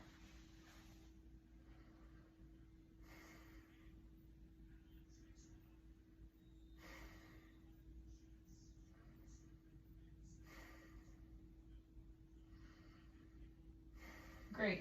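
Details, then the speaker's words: Adult male patient during a head-to-toe physical assessment takes five slow, deep breaths on request as the examiner moves the stethoscope over the lungs, each a soft airy rush in a quiet room; deep breathing. "now as I go through listening to your lung sounds I'd like you to just take a breath every time I move my stethoscope okay"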